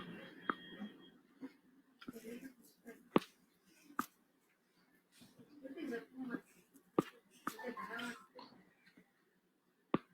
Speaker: patient is having 3 clicks on mouth opening, 3 clicks on each side, so 6 click, and deviation of the jaw to the right. Okay, so patient is the click is there and patient is deviating the jaw. It suggests the patient is having disc displacement with reduction.